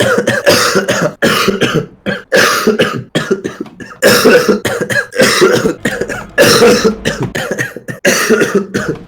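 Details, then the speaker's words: Man who coughed all evening and says coughing makes him feel as if his eyes bulge out: a long run of loud, harsh coughs in repeated bursts with brief gasps between them, a persistent cough. "Мне так плохо, когда я кашляю, что такое ощущение, что глаза на лоб вылазят."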